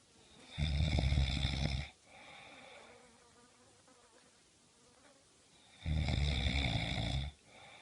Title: صوت الشخير المزعج